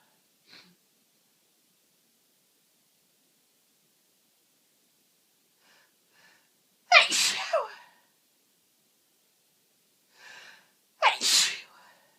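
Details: Two forceful sneezes, each preceded by a quick inward gasp, in a quiet room; uncontrollable repeated sneezing with a cold, itchy nose; sneezing.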